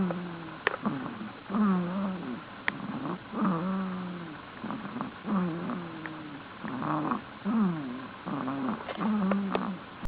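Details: Cat snoring while asleep: squeaky, whistling noises repeating with each breath.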